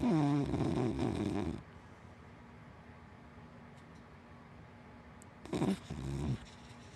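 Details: Sleeping dog, a wienerdog–black lab mix, gives two rough rattling snores with a long quiet gap between them over a steady background hum; ordinary snoring.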